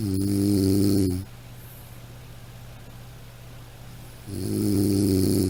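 Loud, droning snores about a second long with a quiet three-second pause between them: snoring.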